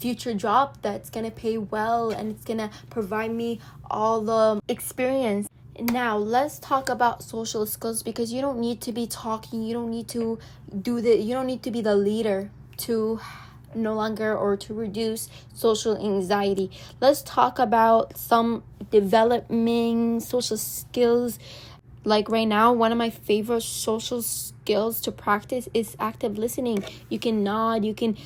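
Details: Girl who says she stutters a lot, with social anxiety and nervousness; English is her second language, Arabic her first, and she mentions pronunciation issues; stuttering.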